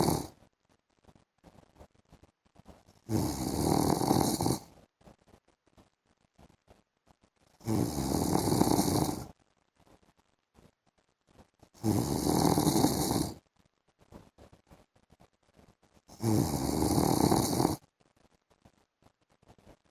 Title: PART 1 MY HUSBAND'S SNORING SOUND IN THE AFTERNOON